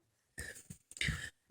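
A quick intake followed by two sharp, explosive bursts of air through the nose and mouth: a sneeze.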